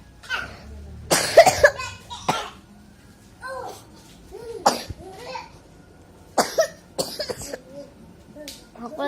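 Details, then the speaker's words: Child with a very heavy cough, taking children's cough medicine, in the rainy season around 5 pm: several loud, harsh coughs, with some talk and laughter in a small room. "lagi batuk keras banget."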